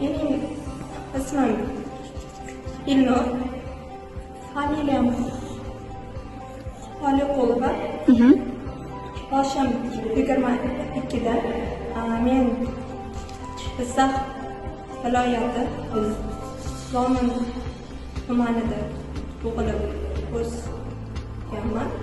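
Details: Man introducing himself in Uzbek with long pauses between words; stuttering reportedly treated without medication; stuttering.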